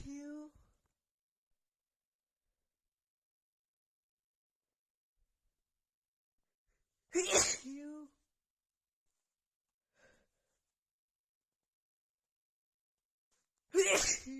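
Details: Two loud, explosive sneezes several seconds apart, each with a short voiced lead-in, after feeling sneezy all day; part of a prolonged repeated sneezing fit.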